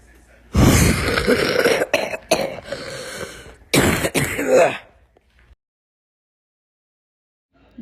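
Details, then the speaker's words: Adult with a cough from a cold, recorded as a voice message: about four seconds of harsh, rough coughing and throat clearing in several bursts, then silence. "Hola gente, tiene tos. Fue por resfrío, entre otras cosas que no sé cómo no sé cómo le dio. Me mandó un audio de respuesta de voz de cómo es su tos."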